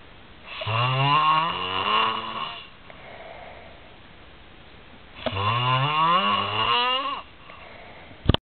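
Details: Man snoring in Mayrhofen, likened to a cow, gives two loud, rough, rattling breaths in with quieter breaths out between them: heavy snoring.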